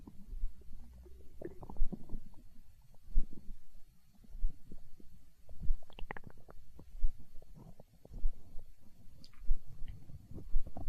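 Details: Hunger stomach growling recorded for ASMR: low, rolling gurgles and rumbles coming in waves from gut movement (borborygmi).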